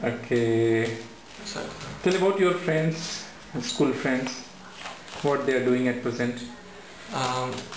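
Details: Adult male speaker (clinician); typical speech.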